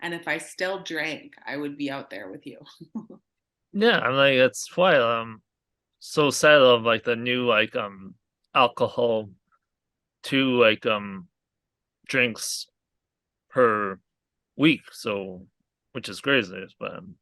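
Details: Aphasia in an adult man, a real stroke survivor, caused by a hemorrhagic stroke from an arteriovenous malformation at age 20; a guest says his speech has improved greatly over the past three years.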